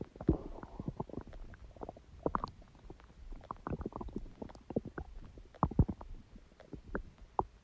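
Continuous bubbling, gurgling stomach rumbles with a faint background hiss: ordinary bowel sounds.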